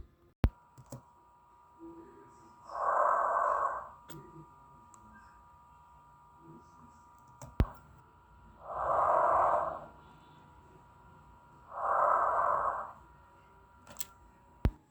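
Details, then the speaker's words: Lung auscultation with stethoscope while the patient inhales and exhales slowly with mouth open: three slow, deep, soft, even breaths; normal vesicular breath sounds. "Pedimos al paciente que de manera lenta inhale y exhale con la boca abierta. Esto nos facilitará el sonido al momento que aumenta la respiración."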